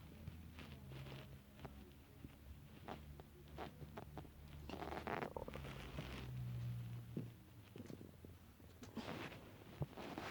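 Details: Stomach growling (borborygmi): low rumbling, gurgling tones with irregular clicks and bubbling, ordinary bowel sounds from gas and fluid moving through the gut.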